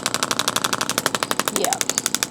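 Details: Rapid, steady sharp clicking pulses of an Intelect RPW 2 radial shockwave handpiece, a magnet striking metal inside it, applied over gel to a patient's active trigger point, rated uncomfortable; radial shockwave therapy device pulsing.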